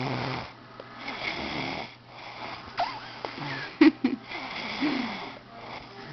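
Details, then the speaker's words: Boyfriend snoring at night, keeping his partner awake: loud, rasping snoring breaths with a whistling edge, broken by sharp bumps and background sounds. Heavy snoring. "hey just wanted to get a video of bua snoring so he can see how loud he snores and how annoying it is and how I can't go to sleep until he stops snoring which is never so I don't go to sleep till he goes to work"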